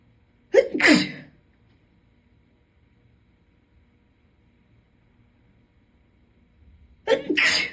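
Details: Two forceful, deliberately induced sneezes from a female, each with a quick catch of breath before it, about six seconds apart.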